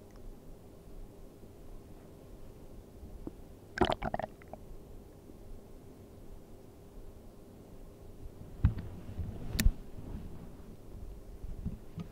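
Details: ASMR of stomach sounds while sleeping on an empty stomach: low irregular gurgles and squelches over steady background hiss; normal bowel sounds.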